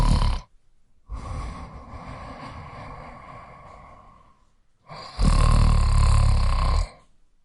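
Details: Noisy sleep breathing: a long rushing breath fading away, a pause, then a loud, low, rattling snore lasting under two seconds; snoring.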